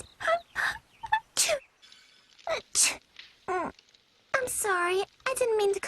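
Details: Sneezes of the character Yui after she falls into water, compiled in English, Japanese and Portuguese versions: about nine quick, high-pitched, voiced sneezes in succession with soft music behind.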